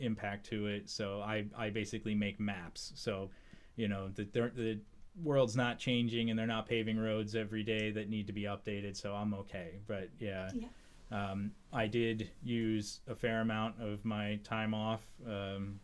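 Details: Adult man speaking; normal speech.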